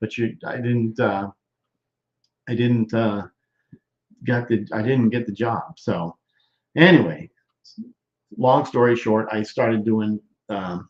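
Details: Broca's expressive, non-fluent aphasia in a male stroke survivor more than 13 years post-stroke, with word-finding difficulty, trouble with function words, word substitutions and halting speech.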